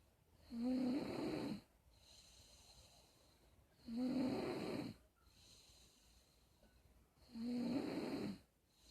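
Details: Snoring: three regular rattling snores on inhalation with quiet pauses between, about 18 breaths a minute.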